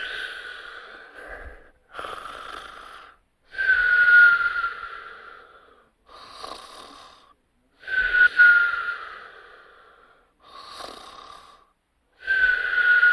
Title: Sparky Snoring and Whistling